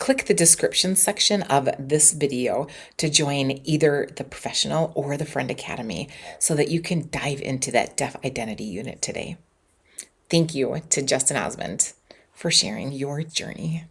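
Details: Adult speaker; normal speech.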